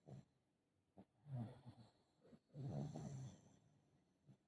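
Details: Foster pug snoring, recorded in connection with BOAS surgery (before and after surgery): low snorting, rattling snores with short breathy bursts, noisy obstructed breathing.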